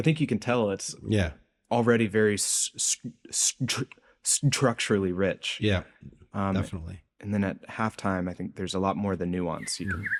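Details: Adult researcher who says he has a speech impediment heard throughout the interview; speech impediment (stuttering-like disfluency).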